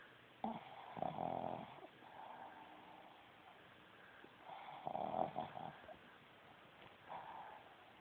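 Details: Boston Terrier dog snoring loudly through its short snout: loud, rattling snores on each breath with quieter snorting sounds in between; snoring.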